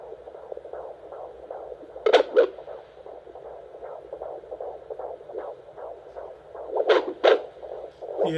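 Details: Fetal heartbeat on a Doppler monitor: fast, regular whooshing pulses at about 150 beats a minute; fetal heartbeat.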